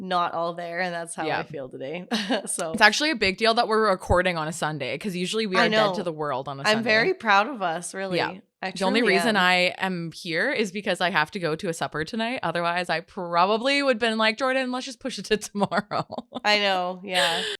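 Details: Adult woman speaking; normal speech.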